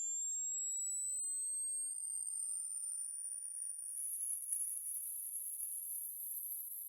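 Pure electronic tones sweep down and up in pitch, then high steady tones with faint hiss: hearing test tones used to screen for hearing loss.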